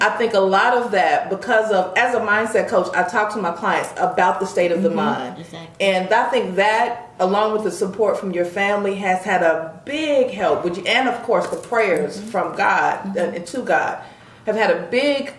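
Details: Adult speaker, likely female; normal speech.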